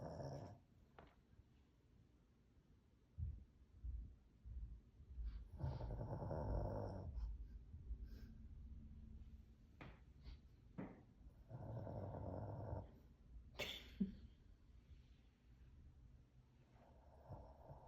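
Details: 14-year-old Shih Tzu/Poodle mix dog snoring in sleep: intermittent low, rumbling, growly snores with snuffles and small noises between, irregular rhythm.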